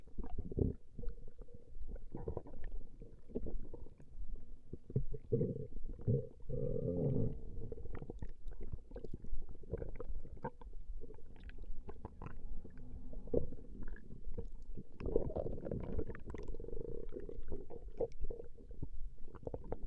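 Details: Recording of a woman's stomach growling: continuous low rumbling and gurgling with irregular surges from gas and fluid moving through the gut; ordinary stomach growling (borborygmi).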